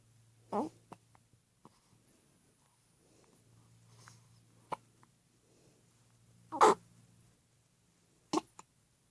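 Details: A person with hiccups: four abrupt, sharp hiccups spaced over about nine seconds in a quiet room.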